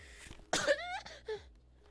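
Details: A sudden explosive burst of air with a brief voiced trailing sound, then a small second puff, in a quiet room; a single sneeze.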